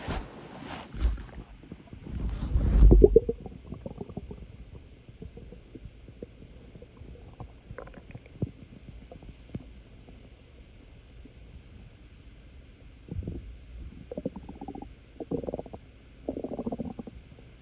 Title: Wolf’s Loud stomach noises